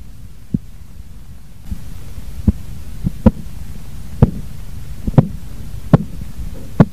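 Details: Korotkoff sounds: regular soft thumping taps, about 62 a minute, heard through a stethoscope as the blood pressure cuff deflates during a manual blood pressure measurement demonstration.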